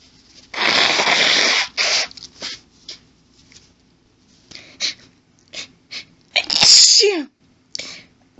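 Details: Woman sneezing while reading aloud; her talking at first limited the sneezes, which then grew intense and violent: a series of forceful sneezes with hitching breaths and build-ups between them; a sneezing fit.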